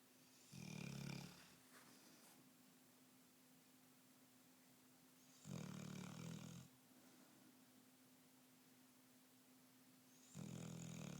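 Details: Sleeping Bullmastiff dog: low, rumbling snores about every five seconds, roughly 12 breaths a minute, over a steady background hum; snoring.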